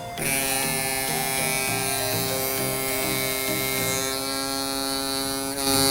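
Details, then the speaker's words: Microneedling pen tracing a surgical scar on the abdomen with PRP, moving about one inch per second: steady high electric buzz running continuously on the skin. "I'm still moving at about one inch per second all the way around"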